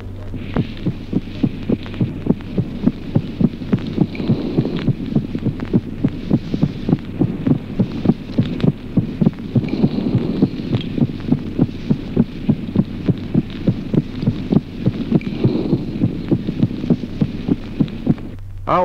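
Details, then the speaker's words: Late systolic click of variable occurrence: regular heart sounds near 100 a minute with a sharp extra click just before the second sound, which moves away from it and becomes more evident on expiration. "ejemplo noveno clic telesistólico con incidencia variable poco antes del segundo ruido un ruido adicional Claro que en la expiración se aleja del segundo ruido y se torna así más evidente"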